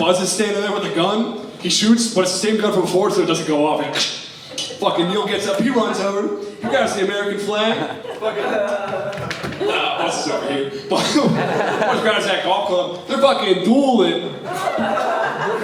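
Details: Adult male stand-up comedian with Tourette syndrome demonstrating his vocal tic of involuntary obscenities, which he says he can sometimes hold or partly suppress; Tourette syndrome vocal tics (coprolalia).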